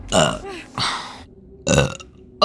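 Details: Burping after drinking water, by a VTuber: two loud, low, rumbling voiced belches with a pause between them.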